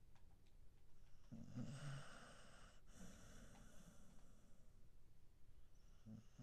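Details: A sleeping Pembroke Welsh Corgi snoring: one long, rough, rumbling breath with a low snort, then quiet breathing and the start of another.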